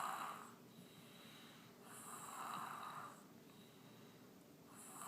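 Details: Soft, rhythmic snoring with each breath, about 24 breaths a minute, from an infant asleep in an exersaucer in a quiet room; snoring.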